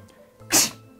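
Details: A veterinarian imitates a dog's sneeze to show owners how to tell a sneeze apart from other abnormal breathing sounds such as a cough or reverse sneezing.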